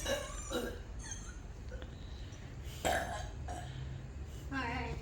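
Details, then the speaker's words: Kids' burp competition after drinking Pepsi: several long, low, rumbling voiced burps over steady room noise, repeated deliberate belching, called the loudest burp. "That's your loudest burp."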